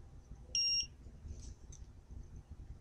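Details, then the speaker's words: GemStar epidural infusion pump stopped and powered off before changing batteries: single short high electronic beep followed by faint clicks as the pump shuts down. "the pump has to be off in order to change the batteries so you hit stop you can turn the power off here"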